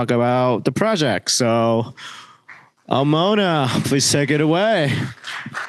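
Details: Adult man; typical speech.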